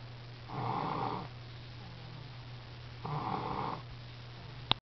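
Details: Snoring: two rough, rattling snores on breathing in, about three seconds apart, over a steady low hum.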